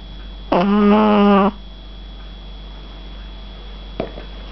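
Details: 8-week-old Shih Tzu puppy snoring while asleep: a single buzzy low-pitched snore about a second long, then a faint brief snort in a quiet room.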